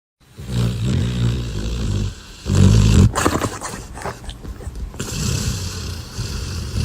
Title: A snoring dog #shorts